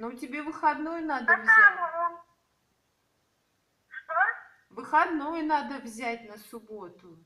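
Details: Adult speaker with a high voice, Russian speech; no speech disorder.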